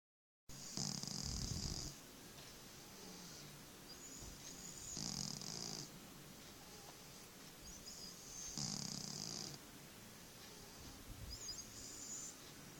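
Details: Pet cat snoring while asleep on the owner's arm: slow, regular snores with a soft hissing, whistling edge, about three per ten seconds.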